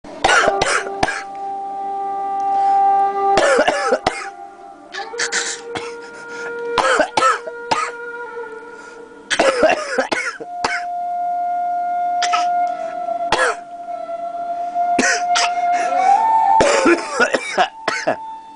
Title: learning coughing